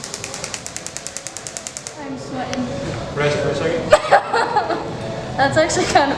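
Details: Shockwave therapy on the heel and foot at first physical therapy session, two days after a PRP injection; painful: rapid regular clicking pulses, about eight a second, stopping after two seconds, then voices and room noise.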